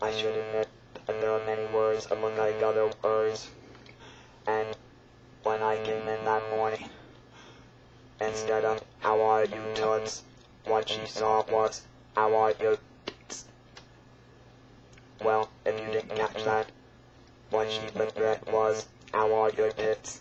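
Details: Adult speaker who talks with an electrolarynx: electrolarynx speech.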